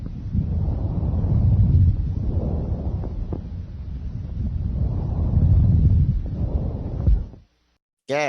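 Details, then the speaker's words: Loud, high-pitched, hollow tubular bronchial breath sounds in two cycles, like air blowing through a hollow pipe; expiration louder and longer than inspiration, with a distinct pause between phases; normally heard only over the manubrium. "these characteristically loud high-pitched bronchial breath sounds resemble the sound of air blowing through a hollow pipe their expiratory phase is louder and longer than their inspiratory phase"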